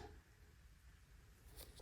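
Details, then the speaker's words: Pet cat sneezing, owner suspects allergies: two faint, brief hissing bursts near the end over quiet room rumble. "You hear the cat sneezing? Poor kitty. Kitty got the allergies."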